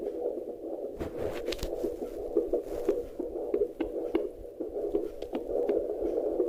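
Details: Rhythmic, fast whooshing pulses over a steady hiss: a fetal heartbeat at 22 weeks of pregnancy, picked up by a handheld fetal Doppler.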